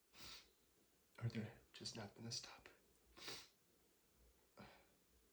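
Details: Allergic sneezing flared by dust from cleaning books, before taking allergy medication: a few quiet breathy bursts and snorting sounds in a small room.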